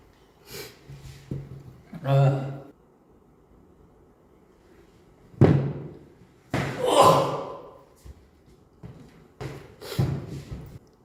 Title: sneeze(8), sniffle, cough, and throat clear